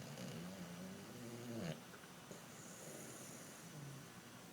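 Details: Dog sleeping and snoring: a short nasal snore with a whistling, squeaky rise, then quieter breathing with a faint snort.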